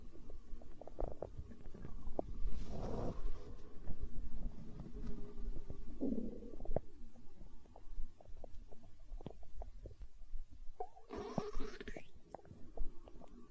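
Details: ASMR recording of a growling stomach tagged as hunger sounds: low rumbling and gurgling with a couple of longer growls over light crackling background; stomach growling (borborygmi).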